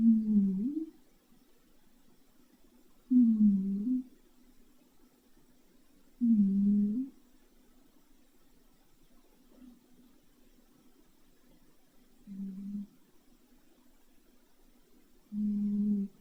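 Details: Pet cat snoring while asleep: loud, low, droning whale-like humming snores, about 19 a minute, one with each breath.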